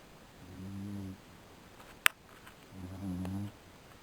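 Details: Beagle dog snoring during an afternoon nap: two slow, low rumbling breath sounds about two seconds apart, with a brief click between them.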